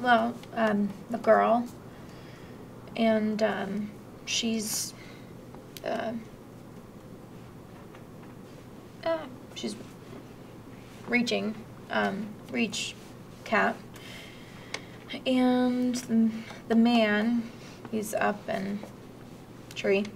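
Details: Mild Broca's aphasia, a non-fluent aphasia with halting, effortful speech, fillers, preserved content words, and impaired grammar with small linking words and prepositions lost.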